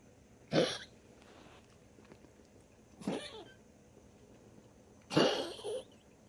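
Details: Dog after tracheal ring surgery for a collapsing windpipe, coughing constantly while exhaling: three harsh, honking coughs spaced a few seconds apart.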